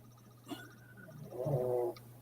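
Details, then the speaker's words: Snoring from a small dog: a single low, rough, snorting breath rises briefly over quiet room noise after a faint click. "Jenny snoring over there oh you hear Jenny snoring I think that's what I heard"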